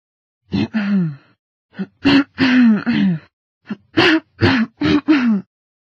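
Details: Female throat clearing recorded on a Google Pixel 4a phone: about nine short voiced throat-clearing grunts in quick groups in a quiet room.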